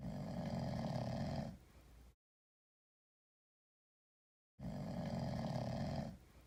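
Two deep, rough snores, loud for a cat, separated by a silent gap: a sleeping cat snoring much like a person.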